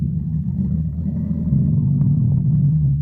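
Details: Stomach growling: a continuous low, deep gurgling rumble lasting a few seconds, an ordinary bowel sound (borborygmi).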